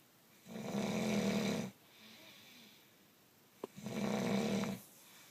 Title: Orbs and snoring